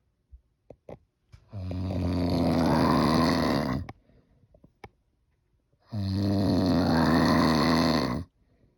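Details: Two long, very loud, harsh rattling snores, each about two seconds, separated by quiet pauses with small clicks; snoring.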